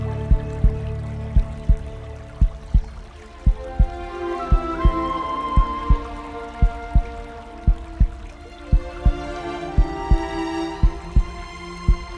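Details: Heartbeat sound effect in calm epic music: regular low thumps at about 57 a minute under calm orchestral music, a slow, steady heartbeat.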